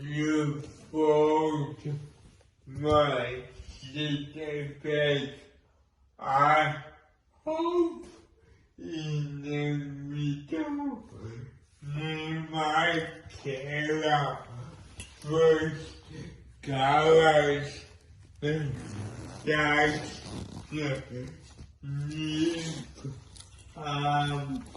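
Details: Dysarthric speech in a person with cerebral palsy and involuntary movements; dysarthric speech (cerebral palsy).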